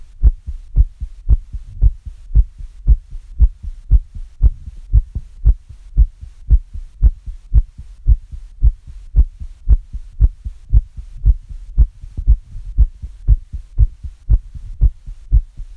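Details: Self-recorded own heartbeat, pounding after listening to very fast heart sounds: steady, regular low thumping at about 115 beats per minute, mildly fast.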